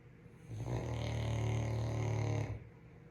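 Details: Caucasian Shepherd (Ovcharka) dog asleep, with a single long, deep, buzzing snore of about two seconds, rough and fluttering throughout; snoring.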